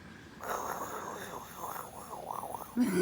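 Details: Grandmother snoring: a single long, rough, fluttering snore lasting about two seconds, then a brief voiced sound at the end; loud snoring.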